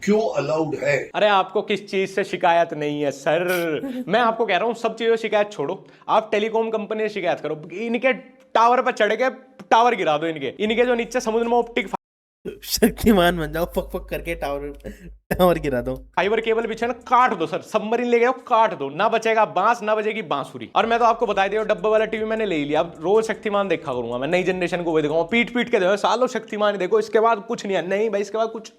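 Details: Adult male speaker; typical speech.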